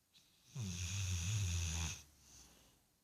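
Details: Snoring in Ginger, a sleeping pit bull: one long, low, buzzing breath with a whistly edge in a quiet room.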